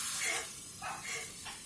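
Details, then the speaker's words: Harsh, raspy, hissing breathing in repeated bursts from a large dog with upper airway obstruction, ending in a louder rasp. The dog is in marked distress, and examination under sedation showed a larynx that barely moves and a very narrow airway. "cuando examinamos su laringe bajo una sedación podemos apreciar apenas movimientos que les pides este paciente tiene un paso muy muy estrecho de aire"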